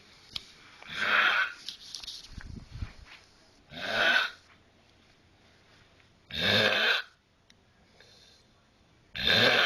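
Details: Snoring in a sleeping dog, Rey, at night: repeated hissing, wheezy snores about every three seconds, with a brief snuffle between them.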